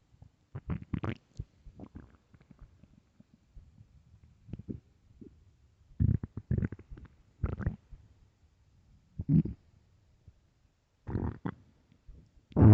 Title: extremely LOUD stomach growls and empty stomach (part 3)